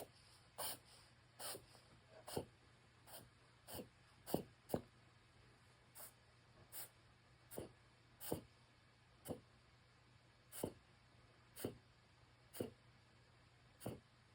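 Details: Yorkie reverse sneezing: repeated sharp snorting inhalations, about one each second.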